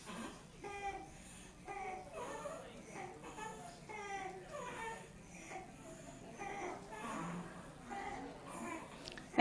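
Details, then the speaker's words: Inspiratory stridor in a young boy with croup, sounding horrible but looking happy, with slight substernal retraction: repeated harsh, high-pitched, crowing breaths. "he looks as happy as he can be. He doesn't look like he's having a problem, but he sounds horrible. Now sometimes you'll hear uh inspiratory strider at rest with kids with tracheo malaysia and things like that."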